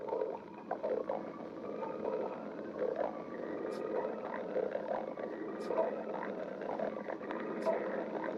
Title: stomach growling 19